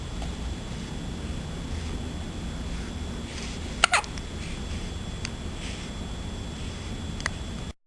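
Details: Hiccups: a few brief, sharp clicking catches at irregular intervals over steady room hiss.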